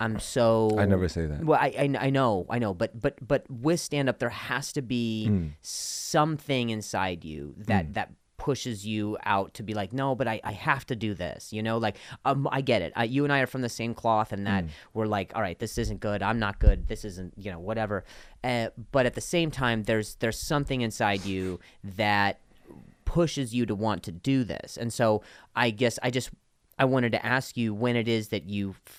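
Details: Adult male comedian whose stutter began after an injury and has since improved a lot; clip has part-word and whole-word repetitions; stuttering.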